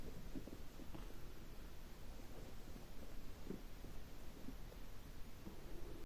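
Low rumbling abdominal gurgles with brief bubbly pops, typical stomach growling from gas and fluid moving through the gut.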